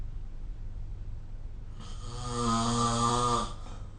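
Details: Snoring recorded with the SnoreLab app: one loud, steady, buzzing snore on an in-breath, rising out of quiet breathing noise.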